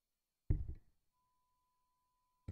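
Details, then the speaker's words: Audiologist's on-air hearing test, sound-field and not ear-specific: a faint, steady, mid-pitched pure tone of about 1.5 seconds played near threshold after a thud. The adult listener says he can't hear, then barely hears it; next comes a higher pitch. "so we'll just play a sound and since we can't do ear specific just let me know if you hear it okay all right okay here it comes all right can't hear"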